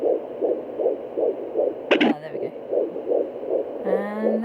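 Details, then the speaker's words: Home fetal Doppler in an IVF pregnancy at 13 weeks 4 days: rapid, regular whooshing, galloping fetal heartbeat about 160/min, much faster than the mother's own arterial pulse. "this one's a lot faster so when you're looking and you hear there's one one one one that's most likely your heartbeat"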